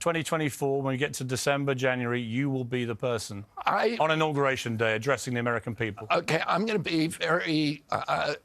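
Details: Adult male speakers in interview; normal voice.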